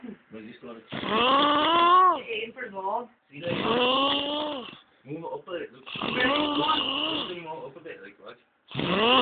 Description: my god can he snore